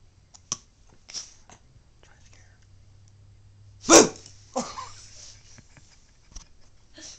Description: My 5 month old grandaughters hiccups